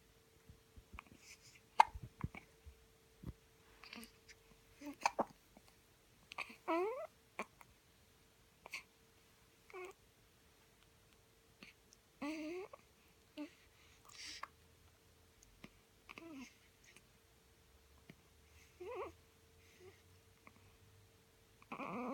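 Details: One-week-old newborn with hiccups: repeated brief, sharp little catches separated by pauses in a quiet room.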